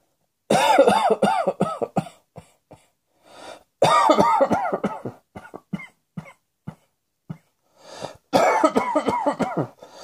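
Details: Adult performing coughing: three bouts of rapid, voiced coughing with scattered single coughs between them.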